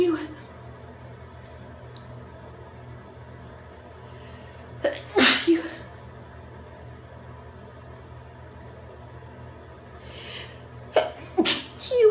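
Two separate sneezes, each preceded by a quick indrawn breath, against a steady room hum; ordinary sneezing.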